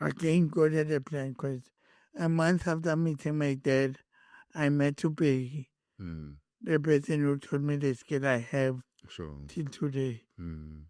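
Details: Adult man born with cerebral palsy, whose head injury from a car accident in June 2000 affected his speech, walking and left-ear hearing: dysarthric speech impairment.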